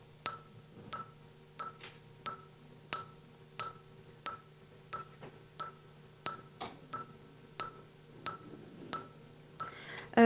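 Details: Sharp, evenly spaced snapping clicks about every 0.65 seconds over steady room hum: Fotona StarWalker Q-switched Nd:YAG laser pulses during tattoo removal on phototype 4–5 skin.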